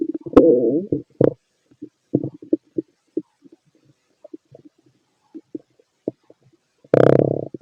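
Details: Bowel sounds of a fit male heard over the abdomen through a stethoscope during digestion of pastry, chicken, curry, bread, milk, eggs and pasta: irregular gurgles and brief rumbles, ordinary stomach growling.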